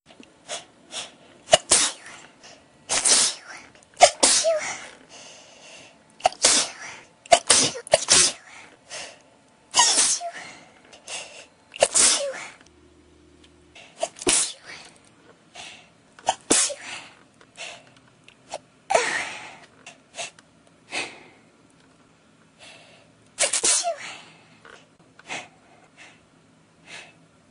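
A long run of repeated, forceful sneezes with brief pauses between them, a sneezing fit.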